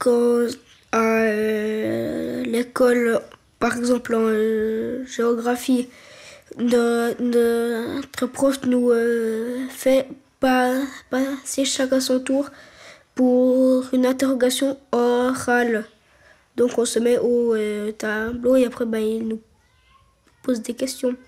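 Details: French-speaking child who stutters, real, filmed in a documentary; stuttering.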